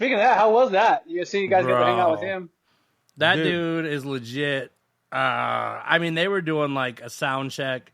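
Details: Adult speaker; Normal voice.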